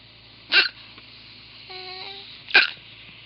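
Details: Boy with hiccups: two sharp, sudden hiccup sounds two seconds apart, with a brief faint voiced sound between them over light room hum.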